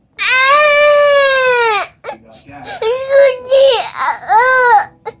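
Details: Loud, sustained wails with short whimpering breaks from a one-year-old baby boy crying because he wants to hear a Gucci Mane song; ordinary infant crying.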